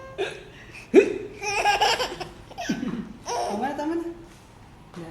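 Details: A child's hiccups: sudden sharp gulping catches breaking into laughter, about four in five seconds.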